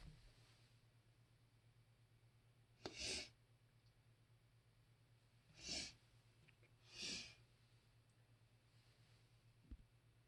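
Three sharp, hissing sneezes in about ten seconds over a steady low hum; repeated sneezing from allergy.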